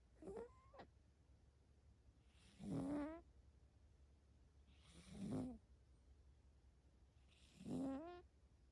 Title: Cat snoring? She snoring! #short